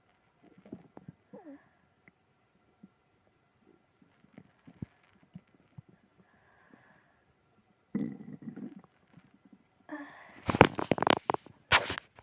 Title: tummy trouble after eating ice cream (stomach growling, moaning)